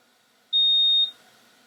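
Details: Single high, steady electronic beep about half a second long, the signal tone of a dental curing light, while curing material during intraoral direct pickup of an implant locator into an overdenture: dental curing light beep.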